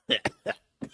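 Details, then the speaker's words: Quick run of three short, sharp coughs from an adult close to an unmuted microphone; the cougher apologizes and thinks a bone was stuck in the throat; cough. "oh [ __ ] I didn't mute my mic sorry I coughed right into my mic again sorry"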